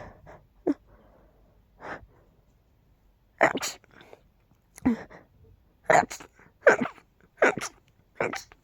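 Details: Seasonal pollen allergy with tickly, stuffy nose; about seven sharp sneezes, some in quick pairs with short in-breaths between.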